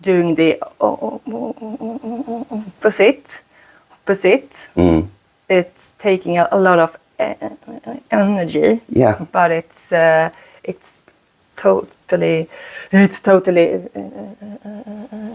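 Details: Stuttering in a 36-year-old woman whose stutter shows more under stress; she uses a speaking technique; repetitions are audible.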